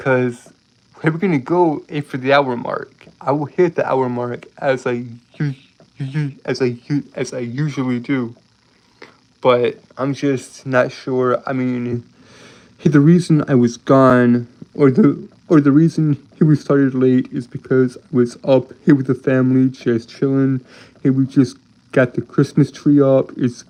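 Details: Adult man with a lifelong speech impediment that makes him stutter and trip over his words; stuttering.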